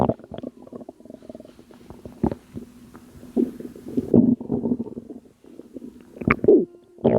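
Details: Postpartum woman making belly sounds she attributes to postpartum water weight, recorded at 2am: irregular watery gurgles, bubbling squelches and sloshing fluid from the belly in a quiet room; abdominal gurgling.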